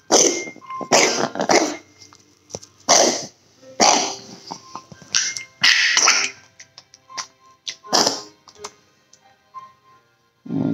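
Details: Dog with repeated harsh, honking cough bursts, about eight in a row, then quieter hacks, with music underneath; cough.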